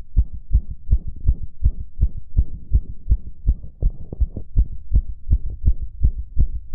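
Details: Adult male heartbeat recorded after arousal, rapid regular thumps at roughly 160 beats a minute: fast heartbeat (sinus tachycardia).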